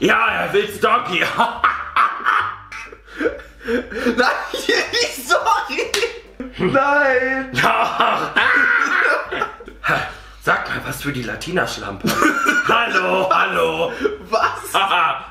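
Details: Male with Tourette syndrome producing vocal tics, including sudden exclamations and insults; vocal tics (Tourette syndrome).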